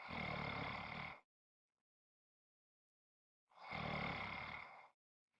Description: This is a 5 1/2 minute clip of snoring.